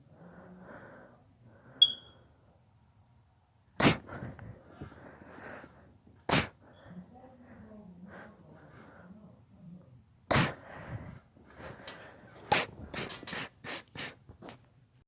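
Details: Sneezing fit: a run of sharp, explosive sneezes, about nine in fifteen seconds, several in quick succession, with quiet snuffling between them.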